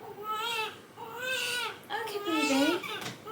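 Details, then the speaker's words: Newborn in a hospital incubator, treated for jaundice, unsettled despite soothing: three drawn-out wailing cries with breaths between in a quiet room; infant crying. "doesn't like it not sure he's going to settle unless we get him out"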